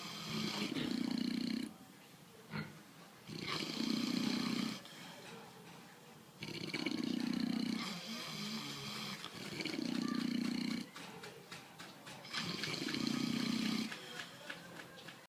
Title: Snoring fat pigs